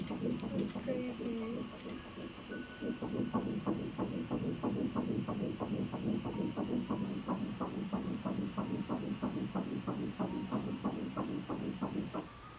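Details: Fetal heartbeat at a first-trimester ultrasound of a single fetus at 10 weeks 2 days, recorded on an iPhone: fast, regular whooshing pulses at about 180 a minute.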